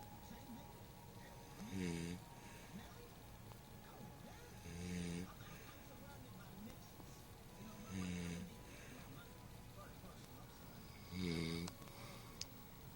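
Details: Woman snoring while asleep: four loud, rattling snores on the in-breath, roughly every three seconds, about 19 a minute, over steady room noise.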